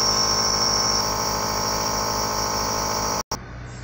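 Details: Heavy-duty nebulizer compressor running: steady mechanical hum with fast pulsing and a high whine, then an abrupt stop.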